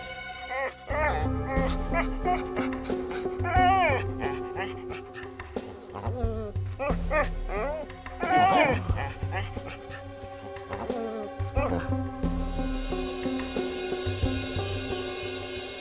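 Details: A dog whines and whimpers in high, wavering cries over dramatic background music, in a dramatized crime-series scene about a dog shot by the same bullet that hit a murdered driver and taken to a vet hospital.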